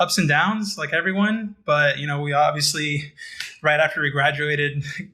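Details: Adult man speaking; Normal voice.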